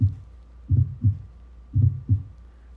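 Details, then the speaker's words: Older patient with long-standing poorly controlled hypertension and left ventricular hypertrophy, heard over the apex: slow, low heartbeat with an extra soft thud just before the first sound; fourth heart sound (S4 gallop). "so you should be able to guess that this is a left ventricular hypertrophy this is the sound and you would hear this sound when you are listening over the apex of the heart"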